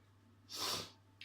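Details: One brief, hissing sneeze over a low room hum, recorded around 3 a.m. during an at-home talk about orchids; a single ordinary sneeze.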